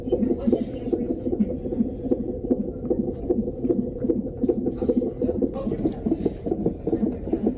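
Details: A pregnant woman at 26 weeks 6 days with gestational diabetes is monitored: rapid, regular whooshing pulses at about 150 a minute, picked up by a Doppler monitor; normal fetal heartbeat.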